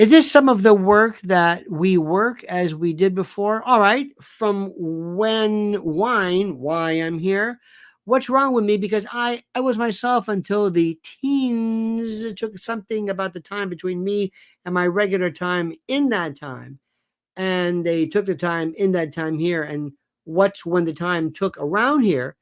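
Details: Narrator reading aloud the reply of a male patient with Wernicke's aphasia to a clinician asking what brought him to hospital; a read-aloud example, not the patient's own voice; Wernicke's aphasia (fluent aphasia).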